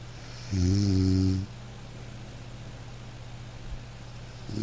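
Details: A man snoring in deep sleep: one deep, buzzing, low-pitched snore lasting about a second, then quiet breathing against a steady background hum; snoring.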